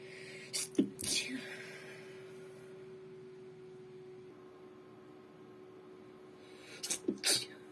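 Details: Restrained, stifled sneezing, possibly female: two pairs of short sneezes, each a quick intake then a sharp burst, separated by a quiet pause. Sneezing.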